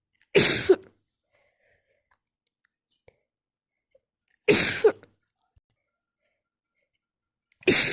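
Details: Three loud, wet, explosive sneezes a few seconds apart, described as a wet and messy sneeze attack; repeated sneezing.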